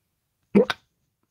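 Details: A single abrupt, brief voiced 'hic' in silence; a hiccup.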